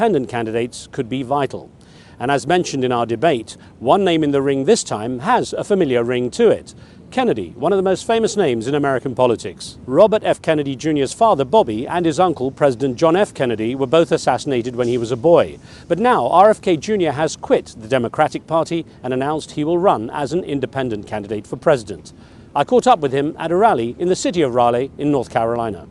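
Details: Adult male narrator; normal voice.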